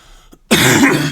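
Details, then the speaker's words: Single loud, harsh, dry-sounding cough from a man with asthma since his teens and a long-standing cough; he believes he does not have COVID-19. "By the way, I do have a cough. You'll hear me coughing through some of these videos."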